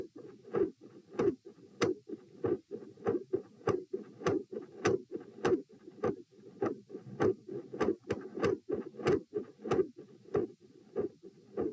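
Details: Rapid heartbeat around 95 a minute with sharp beats and a soft whooshing between them: multiple heart murmurs recorded with a Doppler probe at position P during a posture stress test (lying, sitting, standing, lying again); the recording is edited, with skips.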